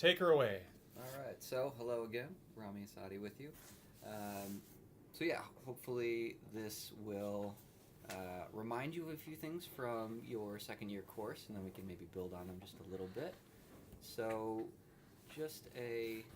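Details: Adult male lecturer; normal speech.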